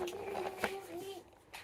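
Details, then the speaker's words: Brief wordless voiced vocal tic in quiet room from an adult woman with 22q11.2 deletion syndrome, Tourette's, autism and dystonia, evening, feeling unwell with post-exertional malaise. "That's one of the vocalized ticks that occurred."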